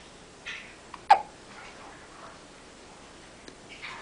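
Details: Infant with hiccups: a sharp, sudden hiccup with a brief catch, plus a fainter one before it, among soft infant breathing in a quiet room.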